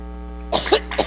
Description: FOX Business Network aired a timeline of progressively worse coughing fits.